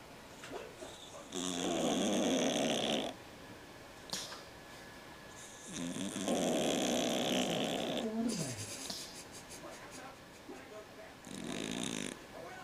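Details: Very loud, rasping snores at about 12 to 13 breaths a minute from a sleeping cat whose noisy breathing stems from a condition he had as a newborn; he is otherwise fine now.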